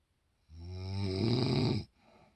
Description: Mom sawing logs wakes Dad up.